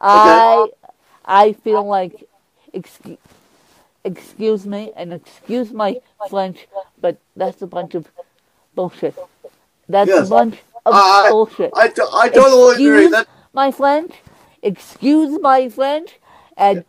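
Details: Woman with cerebral palsy who uses a walker, describing her speech impairment as milder than her interviewer's; mild dysarthria.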